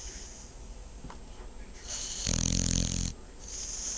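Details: Female dog snoring: a single loud, rough, fluttering snore lasting about a second over room noise.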